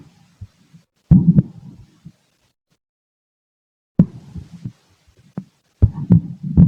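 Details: Adult male, stethoscope on abdomen after lunch: low irregular gurgling bursts separated by quiet gaps, with a few dull heartbeat thumps; normal bowel sounds during digestion.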